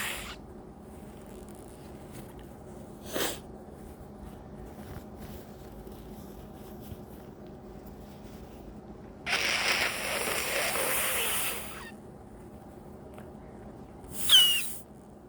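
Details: Early-morning nasal congestion blamed on the weather, a long forceful hissing nose-blow then a shorter blow with high whistling squeak: nose-blowing with congestion.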